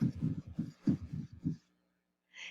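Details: Teaching recording for abnormal heart auscultation: scratchy, grating low sounds over the heartbeat, typical of a pericardial friction rub.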